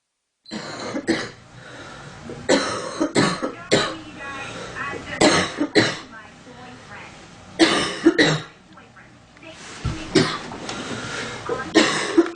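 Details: Girl coughing in cold weather, with a stuffy, itchy nose: repeated bursts of harsh coughing in clusters, about ten coughs with short pauses between them; a recurrent cough.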